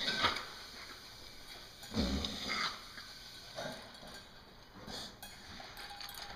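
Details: 11-year-old pointer mix dog, post-surgical cough worsening over a year, often at feeding or when moving: several short, harsh, dry cough bursts with abdominal/diaphragm spasm, in a quiet indoor room.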